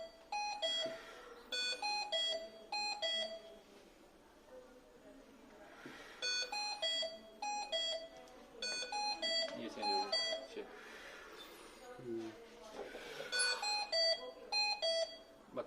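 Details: Repeated groups of bright electronic alarm beeps from a Hamilton T1 portable transport ventilator after it is switched on, with faint room talk: ventilator alarm.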